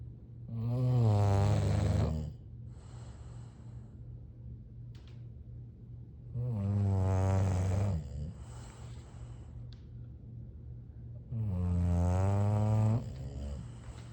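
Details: A sleeping bulldog gives three loud, low, rattling snores on inhalation, with quiet breaths between, about 11 per minute; ordinary snoring.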